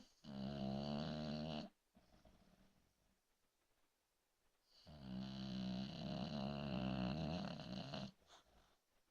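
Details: Snoring during sleep: two long, loud, rumbling vibrating snores on the in-breath, separated by quiet out-breaths.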